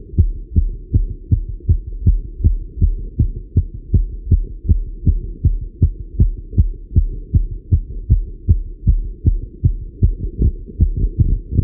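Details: Male heartbeat recorded while riding a bike: regular, strong beats at about 160 a minute; normal heart sounds, fast from exercise.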